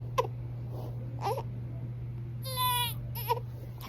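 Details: Crying infant: brief, high-pitched cry bursts with one longer wail, over a steady low electrical hum.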